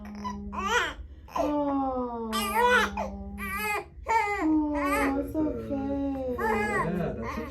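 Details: Infant boy crying during his first chiropractic adjustment, as the chiropractor makes light contact on his top bone: repeated loud, tonal wailing cries with short breaks for breath.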